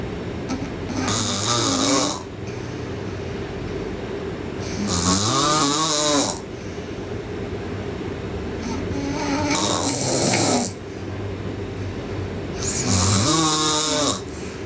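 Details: Sleeping girl snoring loudly: rough, rattling, fluttering snores on each breath, about 17 per minute, with steady room hum behind.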